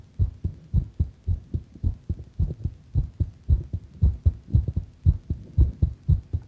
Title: my heart sound a bit faster